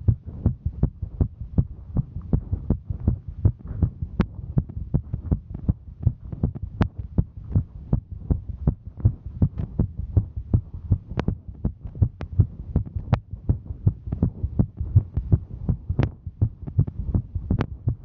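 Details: Female hiking: fast, steady, regular heartbeat thumps over a low hum; normal heart sounds sped up by exertion.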